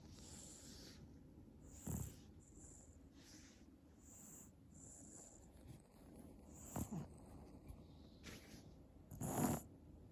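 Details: 8-month-old baby asleep: soft, rhythmic snoring breaths about every two to three seconds, with faint background hiss; ordinary infant snoring.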